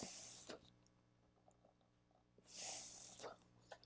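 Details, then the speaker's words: BLS CPR training demonstration: two long breathy rescue breaths a couple of seconds apart through a pocket mask held with a C-E grip and head-tilt chin-lift, chest rising, with no hissing air leak around the well-sealed mask. "so you want to make sure that the mask brings a great seal that there's no air leaks around the mask and we give two breaths"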